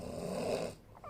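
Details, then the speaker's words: A single rough, rattling snore lasting under a second, attributed to the father, then quiet room sound. "Oh iya bestie Duh Papah aku lagi ngorok itu pasti papa Aku ngorok basti Iya Papa aku lagi ngorok maafin ya Bastian"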